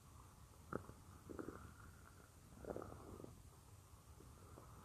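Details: Woman's own stomach growling: soft gurgles and bubbling rumbles in short bursts; ordinary stomach growling (borborygmi) from gut movement.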